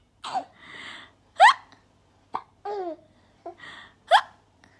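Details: 4-month-old baby hiccuping: three sharp, abrupt catches of breath, each followed by soft breathy noises and brief babbling; infant hiccups.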